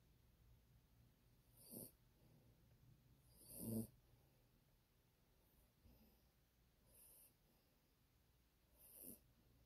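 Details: Sleeping Yorkie dog: soft snorting snores with quiet breathing between them. Snoring.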